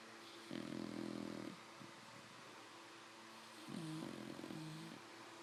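Buzzing, tonal snorts on breathing, two main bursts over steady background hum; snoring in a sleeping puppy.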